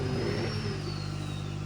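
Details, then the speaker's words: Cough assist machine on a man with ALS who can no longer cough on his own, via a tight face mask with caregiver prompting: steady hum and airflow rush shifting in pitch as the machine cycles air in and out. "Deep breath in. Cough, cough, cough. It won't hurt him. It's squishy."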